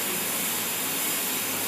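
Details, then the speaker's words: All-ceramic crown preparation demo, incisal reduction toward 2 mm clearance, angling palatally to create incisal bevel: loud, steady high-pitched whine and hiss of a high-speed air rotor cutting tooth. High-speed dental handpiece. "Okay, again I'll start off with incision reduction. Now I'm changing the angle, see, palatally, to create incisal bevel"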